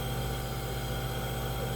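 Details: Child receiving nebulizer treatment for flu and cough: steady low motor hum with a constant hiss from the running nebulizer, no breathing or voice heard.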